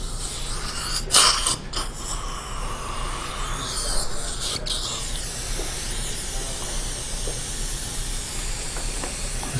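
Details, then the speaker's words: Steady hissing and slurping of a dental suction tip in the mouth, with brief gurgling spurts, during mini dental implant placement where the bone is soft. Ordinary dental suction. "get this keep suctioning please don't worry about it let just get the implants"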